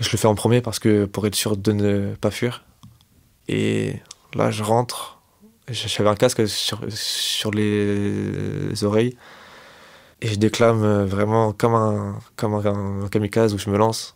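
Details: 25-year-old man who has stuttered since age 4, self-described as fairly severe and worse with stress, fatigue and in front of others; stuttering.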